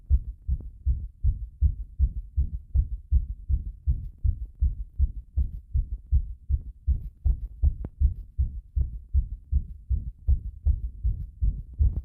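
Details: Heart sounds recorded with pressure against the chest after bathing: regular, fast low thumps, about 158 beats a minute.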